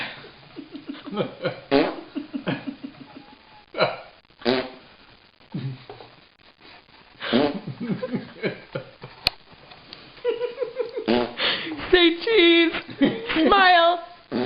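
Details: A dog gives a series of short, sharp sneezes with brief snorting sounds; faint voices or laughter in the background. Canine sneezing.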